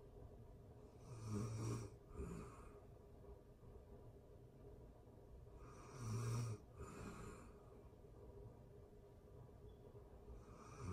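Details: Real-time recording of a person asleep, excerpted from a longer session: three slow, rumbling snores on the in-breath, about 13 a minute, with quiet breathing between; ordinary sleep snoring.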